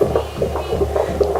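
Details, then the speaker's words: Fetal heartbeat heard on Doppler during pregnancy: quick, rhythmic whooshing pulses over a steady low hum. "The baby's heartbeat. We realize we've been deprived of this information."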